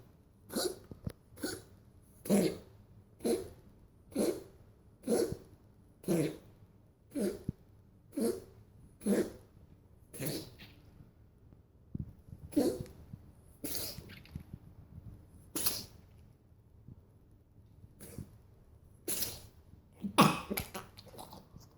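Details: Cat with a noisy breathing problem for about a week, cause unknown to owner; short, noisy, faintly whistling breaths about once a second: wheezing.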